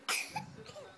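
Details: One sharp, hissing sneeze from a pet animal, followed by a faint voice in a small room.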